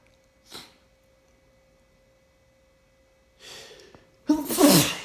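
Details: Adult's single loud, explosive sneeze after a faint snort and building breathy inhale, over a steady low hum, on an unusually warm, rainy day (weather possibly a factor): sneezing.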